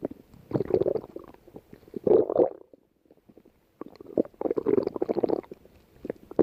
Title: Lay Down And Watches her stomach growling